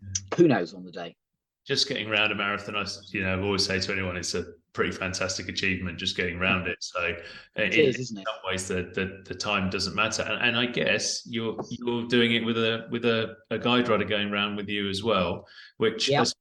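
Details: Adult male speaker; normal conversational speech.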